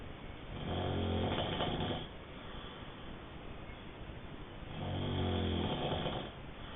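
Two long, low rumbling snores with a fluttering quality, separated by a quieter breath out, over steady room noise.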